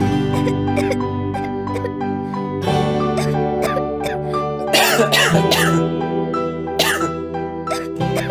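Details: Acted adult coughing in short bursts over steady background music in a Kannada cough syrup advertisement; type of cough not evident.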